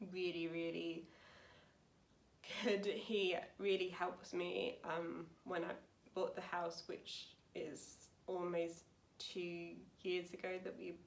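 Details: Woman aged 28 with aphasia after a severe stroke in 2009 at age 18, recorded about nine years post-stroke; aphasia.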